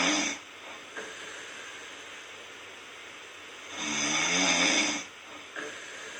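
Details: Snoring during sleep: two hissing, rattling breaths, the second long and throaty, with quiet breathing between.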